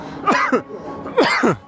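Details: Two pairs of short, harsh, voiced coughs from an adult runner just after finishing the Helsinki City Run, 13/5/17: post-exertion cough.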